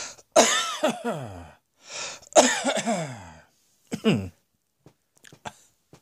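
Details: Several loud, harsh coughs in quick runs with short pauses between, followed by softer throat sounds; coughing.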